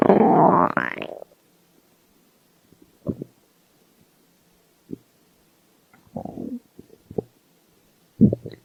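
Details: A long loud stomach growl followed by short scattered gurgles and squeaks in quiet; ordinary stomach growling from hunger (borborygmi).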